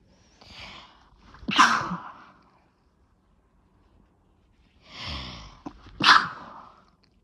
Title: Chhinkni Sneezes 5 (nb)